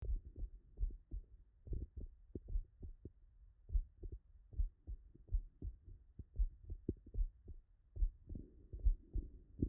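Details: Digital auscultation after metallic aortic and metallic mitral valve replacements: sharp, crisp clicks with each heartbeat, about 71 a minute; mechanical prosthetic heart valve clicks.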